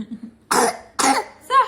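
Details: Baby deliberately fake coughing while being called by father: two short forced cough bursts then a brief vocal sound; playful voluntary cough.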